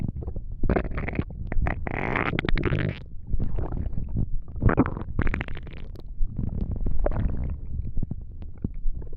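Continuous low gurgling and rumbling from the abdomen, typical stomach growling from gas and fluid moving through the gut.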